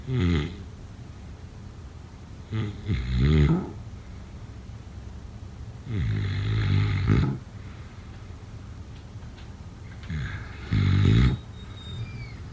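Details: Snoring: deep, rattling snores on each breath in, about 15 breaths a minute, with quiet pauses between them.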